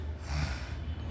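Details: Woman snoring loudly, described as roaring, during a nap after a rice meal while the power is out; snoring.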